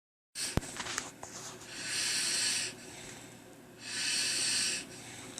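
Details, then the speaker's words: Husband snoring while asleep: two long, hissing, rough breaths about three seconds apart, with a click and room noise at the start. "did you hear that that is you snoring okay now look at this"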